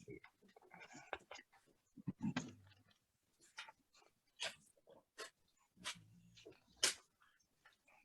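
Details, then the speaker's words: Dog lying on the couch against owner's thigh, resting during a poetry session, makes short, irregular snuffling snores with airy, hissing breaths in a quiet room. "Can you hear my dog snoring? Bertha, Okay. right, Mom? That's Oh, Bertha. that's funny. She's lying beside me with her snoring because she actually chills to the poetry sessions."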